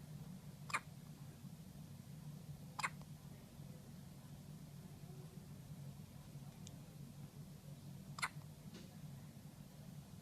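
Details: One-day-old newborn in hospital with hiccups: three sharp, brief hiccup clicks at irregular intervals over quiet room hum.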